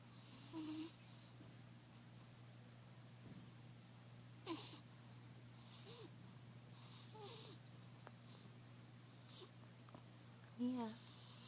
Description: My cat, Mia! I busted her snoring! She's sleeping in her fave box in the living room.